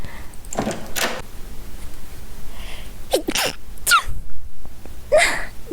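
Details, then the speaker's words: Streamer sneezing during a live horror-game stream: a run of sharp, explosive sneezes with quick breaths between them. "Sorry. I had to sneeze. That sneeze removed the horror."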